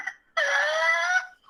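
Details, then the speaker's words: 21-month-old boy with whooping cough (pertussis), beginning as cold with runny nose then worsening over four to five days: long, high-pitched strained sound, pause, then short rough cough burst; he couldn't catch his breath during coughing fits. "the cough got much worse it was nothing i've ever heard before he was coughing and doing okay and he couldn't catch his breath"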